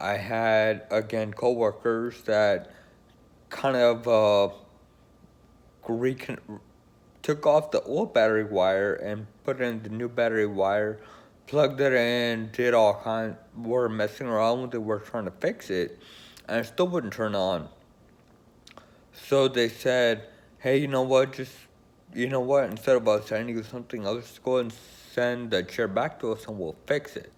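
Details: Man with Friedreich's ataxia who uses an electric wheelchair; ataxic dysarthria.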